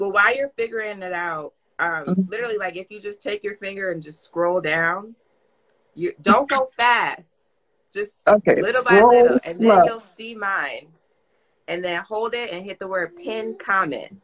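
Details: Adult speaker; ordinary speech.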